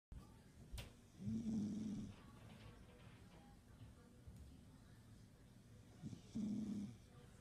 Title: Snoring beauty 😘